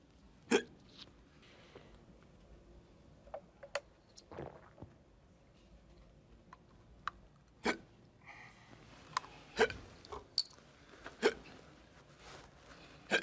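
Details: Staged comedy ad with a person who has a bad case of the hiccups: five or six sharp, brief hiccups at irregular intervals in a quiet room.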